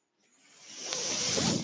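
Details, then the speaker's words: Speaker's own mechanical ventilator heard while he talks: a soft airy hiss swells over about a second and holds steady as it pushes air. "My name is. That noise you're hearing is my ventilator."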